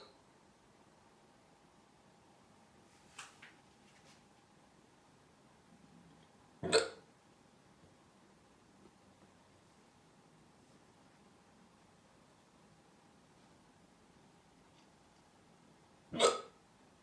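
Two sharp, brief hiccup sounds about ten seconds apart in a quiet room, with a fainter catch earlier; ordinary hiccups.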